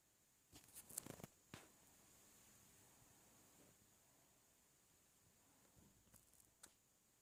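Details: Black cat sneezing, apparently after its sibling cat groomed it too much: a few small, sharp bursts of sneezing in a quiet room, with a later softer cluster.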